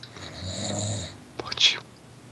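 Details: A person snoring while asleep.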